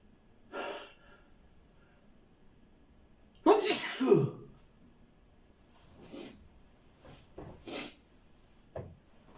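A run of sneezes: sharp bursts of breath, one loud sneeze with a voiced cry, then several smaller sneezes and sniffs.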